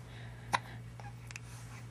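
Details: 16-day-old baby boy with hiccups while being talked to: a single sharp, brief hiccup over a steady low room hum, with a fainter second catch after it.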